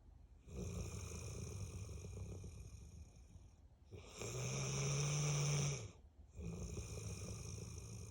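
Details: 8-year-old Bullmastiff snoring while asleep: loud, rough, rumbling snores with each breath, about three breaths across eight seconds; snores all day, every day.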